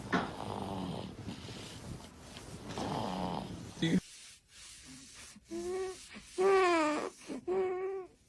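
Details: Sleeping baby boy snoring: noisy, rattling sleep breaths at first, then short, squeaky, voiced snorts.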